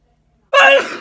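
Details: One loud, sudden sneeze after silence, fading quickly, during a prolonged sneezing attack with a racing heart and shaky feeling; sneeze.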